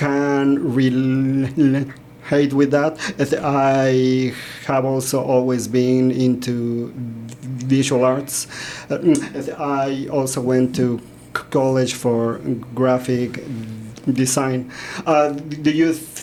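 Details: Stuttering in an adult man who grew up in Mexico and describes himself as a person who stutters.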